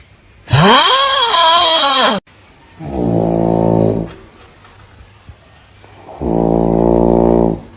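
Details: Dog snoring while asleep: two long, buzzy, rattling snores after a brief loud howl-like sound.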